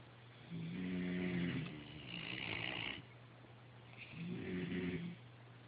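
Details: Snoring during sleep: two loud, low, rattling snores with breathy exhalation between them, over a steady low room hum.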